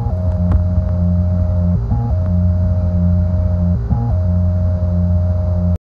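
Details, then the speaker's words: A phone held to the chest of a young adult with heart failure, diagnosed at 22, who was implanted with a left ventricular assist device at 23: steady mechanical humming whine with a brief pitch shift every two seconds; no heartbeat; LVAD pump hum. "And the second way, you don't feel or hear heartbeat. This is actually what you hear."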